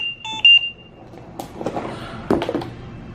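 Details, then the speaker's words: Home Trilogy ventilator caregiver training: short high-pitched electronic alarm beeps then handling noise, a circuit disconnect alarm from a loose line; the unit logs the last 20 alarms. "But it's telling you what's going on. You see we had that circuit disconnect?"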